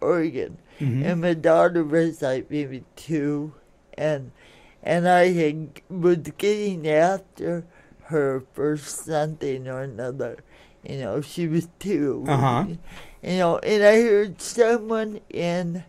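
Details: Adult woman born in 1959 with lifelong cerebral palsy affecting her speech and motor skills, which she attributes to oxygen being cut off to her brain during delivery; some listeners have difficulty understanding her; dysarthria (cerebral palsy).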